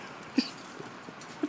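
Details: Two brief, sharp gulping clicks about a second apart with faint softer sounds between, over quiet background; hiccups in a dog.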